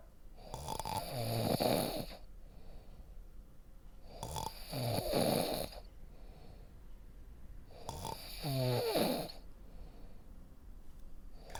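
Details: Adult snoring: loud, rough snores on the in-breath about 16 times a minute with quieter breathing between; snoring.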